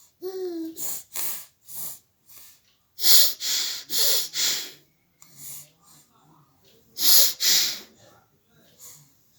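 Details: Repeated sneezing during the summer season: a brief voiced sound, then clusters of sharp, hissing bursts of air, fitting repeated sneezes.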